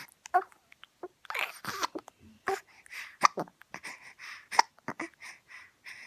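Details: Small child hiccuping: sharp, brief catching sounds repeating irregularly between soft vocal noises; hiccups.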